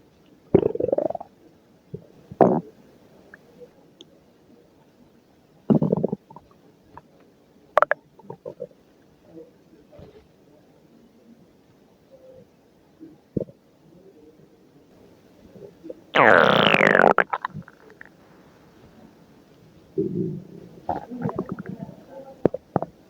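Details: Stomach noises at work: irregular gurgling and rumbling bowel sounds with one longer, louder squeaky growl; ordinary stomach growling (borborygmi).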